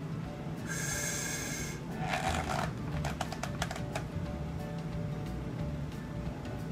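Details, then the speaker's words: Pleural friction rub heard over inspiration and expiration, coarse creaking, grating bursts over low breath noise, like leather rubbing together; easily mistaken for crackles; arises from inflamed pleura (pleuritis) or pleural effusion with chest wall pain. "this sound is often described as leather rubbing together it can often be overlooked and thought to be crackles"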